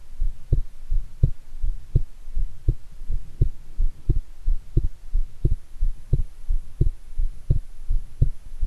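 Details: Own heart sounds recorded after a shower, with excited anticipation: strong, regular, low thumping heartbeat at about 85 a minute, each beat a distinct pair of sounds; forceful heartbeat.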